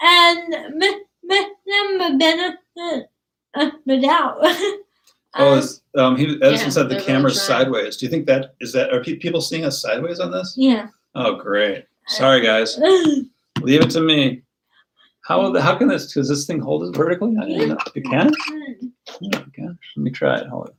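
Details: Adult speaker; ordinary speech.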